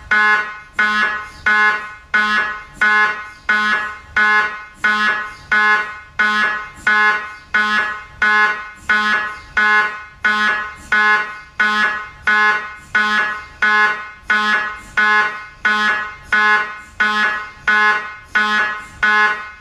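Loud, steady, rhythmic buzzing pulses from an MRI scanner, about 44 a minute, typical of normal scanner operation.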